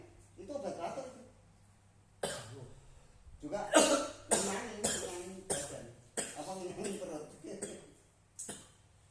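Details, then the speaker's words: Chronic cough of about three months in a man: about seven repeated harsh coughs and throat clearings with short pauses, described as a long-standing cough. "Nah ini batuknya udah kelamaan, Kaset. jadi udah kelamaan."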